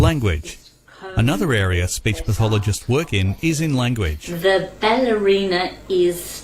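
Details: Adult speaker; normal speech.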